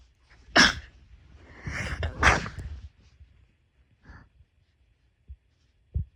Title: sneeze 7